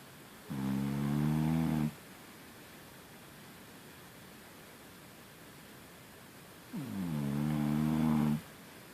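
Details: Snoring during sleep; two long, rumbling, buzzy snores about six seconds apart, with quiet room noise between them.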